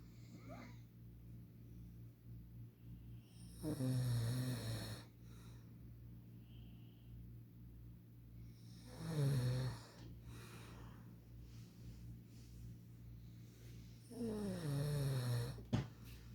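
Three vibrating, rasping snores about every five seconds over low steady hum: snoring at roughly eleven breaths a minute.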